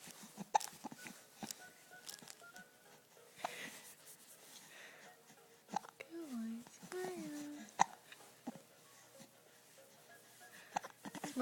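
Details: Several short, sharp catches at irregular intervals with soft vocal sounds and an adult voice nearby, from an infant girl; infant hiccups.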